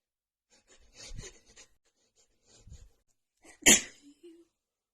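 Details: Several quick sneezes with sharp breaths between, ending in one loud, forceful sneeze, from a female with a runny nose after an hour outside in cold, snowy weather combined with dust; a sneezing fit.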